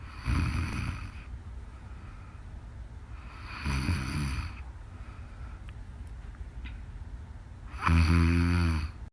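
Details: Repeated low, rumbling snores about every 3–4 seconds, the last louder and more buzzing, over steady background hiss, from a live stream; snoring.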